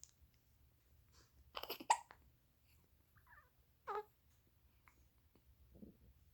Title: newborn baby hiccups 신생아 아기 딸꾹질